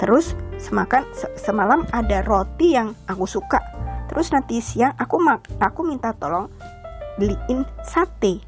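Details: Woman, stroke survivor about 10 years post-stroke, reporting expressive and anomic aphasia plus sensory aphasia she attributes to excessive euphoria. Finding: fluent aphasia with off-target content.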